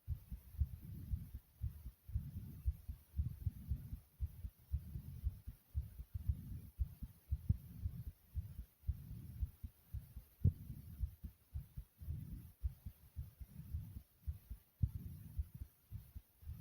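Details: Rapid heartbeat recorded by the person themselves, described as beating like a racing horse: fast, low thudding heartbeat at roughly 115 beats per minute, tachycardia.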